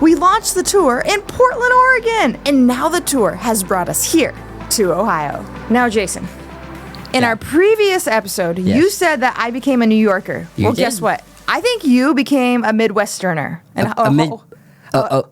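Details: Adult woman; typical speech.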